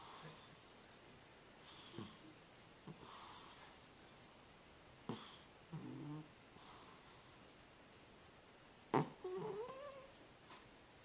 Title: Cat Snoring